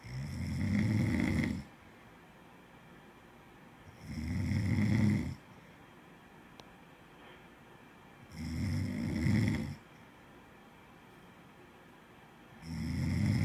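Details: Regular rumbling breaths about every four seconds, roughly fifteen a minute, with quiet pauses between: steady snoring.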